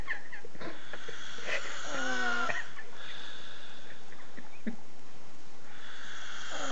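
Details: Man asleep in a hotel room at night: loud snoring with a high whistling tone partway through each breath. Recorded by his friends. Whistling snore.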